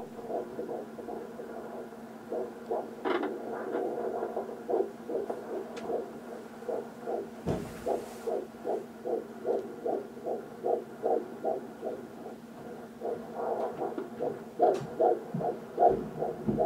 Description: The baby's heartbeat (12 weeks)